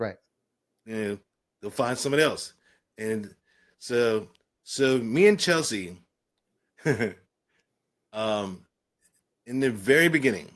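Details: Adult man with aphasia following a stroke and traumatic brain injury, with a coma and later speech therapy, speaking in conversation.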